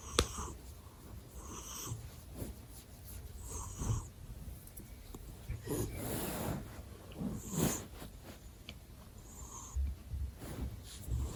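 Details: A male cat snoring close to the listener's ears: soft, snuffly snoring breaths, about 16 a minute, with some rustling nearby.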